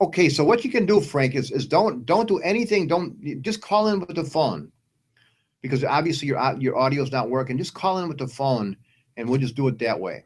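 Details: Adult male speaker; Normal conversational speech.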